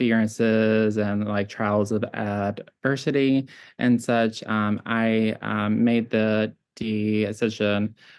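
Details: Adult with childhood apraxia of speech, now classified as mild, whose speech varies by situation and day; childhood apraxia of speech.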